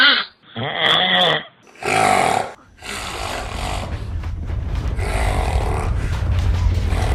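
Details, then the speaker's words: Snoring played by a sleep doctor: harsh, rattling noisy breaths in repeated bursts, then a sustained rough rumble, described as vibration of the palate and back of the tongue, possibly nasal, palatal or tongue-base. "now snoring is an interesting phenomena it's that vibration and rattling of the back of the palate, back of the tongue, it could be nasal palatal, back of the tongue"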